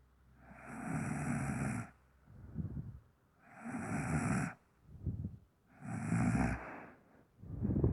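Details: Very hard snoring: loud, harsh rattling snores on each breath in, about three in eight seconds, with softer snorting breaths out between them.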